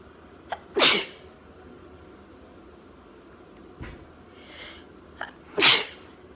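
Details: Girl with allergies having a sneezing fit and itching her nose: a brief run of sneezes with quick intakes of breath before each, and soft sniffing between; sneezing fit.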